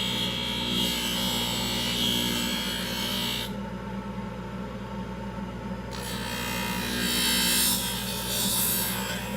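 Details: Aluminum oxide acrylic trimming wheel in a dental lab, shaping and reducing the bulk of the acrylic on an orthodontic retainer with labial acrylic: steady motor hum and suction with rasping grinding, pausing briefly midway.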